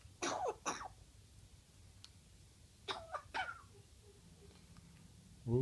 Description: Our 8-month old Congo African Grey boy is being silly and imitating our little girl, who recently had a chest cold.